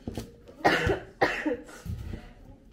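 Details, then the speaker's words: Two to three loose coughs in a quiet room while cooking, from someone still recovering from an illness. "So yan, puro ubo naririnig nyo dito sa vlog natin. Nagpapagaling po kami."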